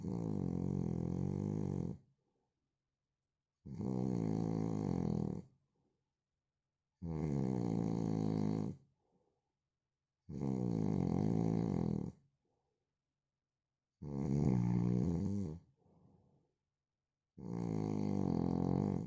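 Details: Man snoring: six loud, deep, vibrating snores about every 3.5 seconds, roughly 17 breaths a minute, with silent pauses between; heavy regular snoring.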